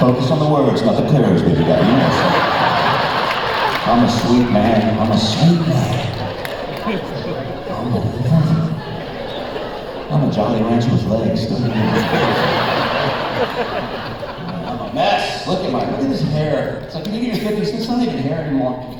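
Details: Spasmodic dysphonia, an incurable vocal disorder in an adult man, beginning at the height of his singing career and worsening progressively until his voice was gone despite vocal coaches and voice doctors.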